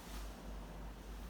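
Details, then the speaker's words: 34-year-old woman, second pregnancy, in labour with full dilation and ruptured membranes; Doppler over fetal back on left maternal abdomen gives rhythmic whooshing pulses at 128 beats per minute: normal fetal heart sounds. "jadi sini ada di jantungnya normal"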